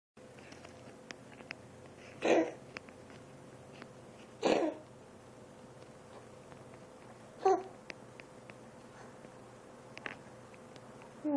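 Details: A cat gives three short, harsh coughing bursts several seconds apart; the owner suspects feline asthma.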